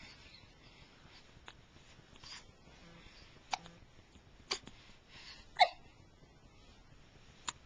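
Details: Hiccups: four short, sharp hiccup sounds about a second apart over faint room hiss.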